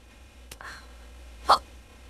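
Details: Possibly AI-generated hiccup audio, taken from a video of a woman who says she is hiccupping badly and is drunk: a faint click, then one sharp, brief voiced gulp; a single hiccup.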